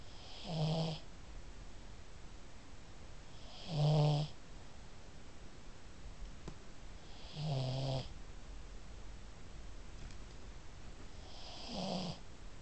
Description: THIS IS OUR PUG MILLIE, SHE SNORES ALL THE TIME THIS TIME SHE WOKE HERSELF UP, THEN ROLLED OVER AND WENT BACK TO SLEEP WITH HER EYES OPEN